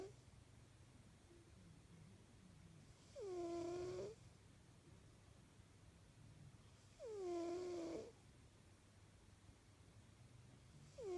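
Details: British Shorthair cat snoozing, slow regular loud snores about four seconds apart, each a rising and falling nasal whistle on the breath in; snoring.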